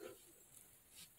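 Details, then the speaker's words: Female chihuahua, described as a loud snorer, snoring beside her owner: a brief, soft snorting breath sound against quiet room noise. "do you guys hear the chihuahua snoring beside me she's a loud snorer"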